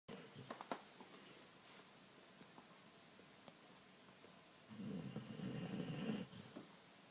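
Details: A sleeping springer spaniel: after a quiet stretch with a few soft clicks, a single low, rattling snore on an in-breath; a dog's snore.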